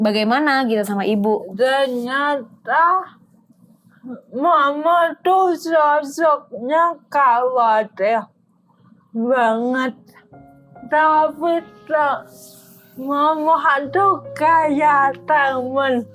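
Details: Dysarthria in an adult woman with cerebral palsy, a motor disorder limiting gross and fine motor skills.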